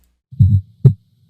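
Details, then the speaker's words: Teaching example of an S4 gallop: low heart sounds with a soft extra thud just before S1, the 'Tennessee' rhythm, 'Tenne' being S4 and S1, 'ssee' S2. "And I'll play you an example of an S4 now, and many people recognize an S4 by thinking of the word Tennessee. The tenna is the S4 and the S1, and the C is the S2, so"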